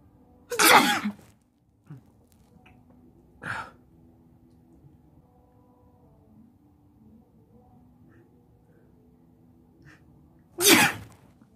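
Two loud, explosive sneezes and one softer one in a quiet room: ordinary sneezing.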